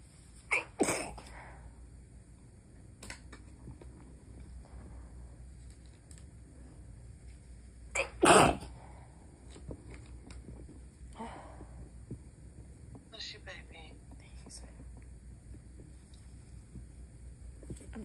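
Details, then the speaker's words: Nighttime stifled sneezing by someone trying not to wake his wife: several muffled, held-back sneezes, with one louder sneeze breaking through and quiet room noise between. "trying to keep it quiet. Yeah, I can tell. It's not working."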